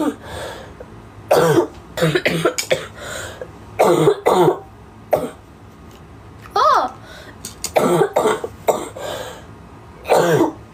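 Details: Cough from a Japanese girl.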